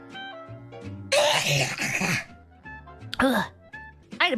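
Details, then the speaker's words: Female streamer sneezing during a livestream, unable to sneeze on command: two loud, sudden sneezes over background music, each with a voiced lead-in. "Let's sneeze again. I can't do it on command."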